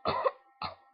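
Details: Teenager feeling sick with sore throat: two short coughs, the first stronger and longer, the second briefer.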